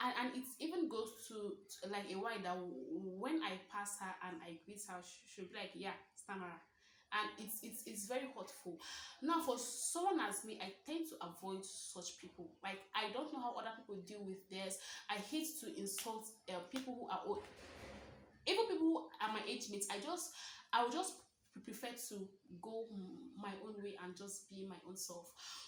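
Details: Stuttering (stammering) in a 23-year-old woman, a self-described stammerer, who says she stammers more when reading aloud, when angry and when lying.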